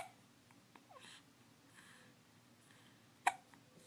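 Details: Infant hiccup: quiet room with soft infant babbling, then one sharp, abrupt hiccup while a parent talks to the baby.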